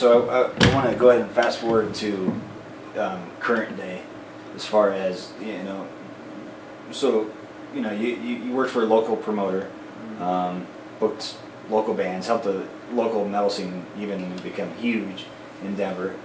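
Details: Adult male speaker; ordinary speech.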